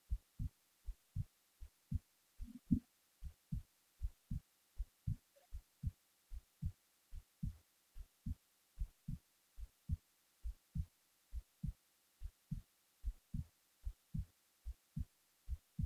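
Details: Heartbeat recorded while the person was falling asleep: steady, regular low thumps at about 75 beats a minute, quiet background.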